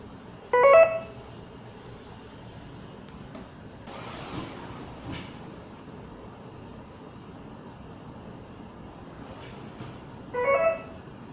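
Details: Intravenous infusion pump running: short two-tone electronic beeps about ten seconds apart, with faint mechanical whirring between them; infusion pump alarm.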